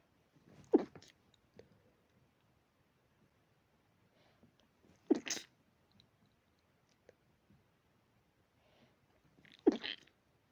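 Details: Dog with allergy making pinch sneezes: three sharp, explosive sneezes several seconds apart.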